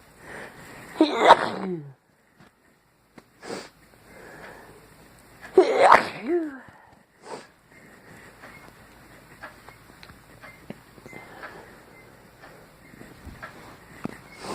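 Two loud sneezes from an adult, each with a sharp intake and burst, followed by quiet sniffing and room noise.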